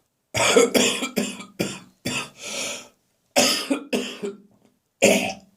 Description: My cough has now becoming drier and less frequent, but it really made me gag in the bathroom this morning.